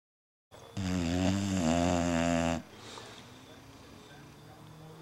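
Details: Snoring during an early evening nap on New Year's Eve 2010: one long buzzing, droning snore of about two seconds, then quiet breathing against low room noise.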